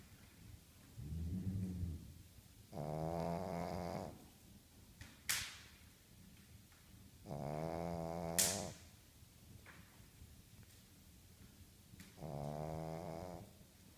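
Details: Pug dog snoring: slow, loud rattling snores with a whistling nasal edge, about one every four to five seconds, in a quiet room.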